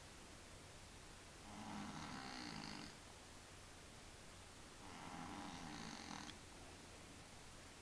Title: Cute Deep Sleep Snoring Cat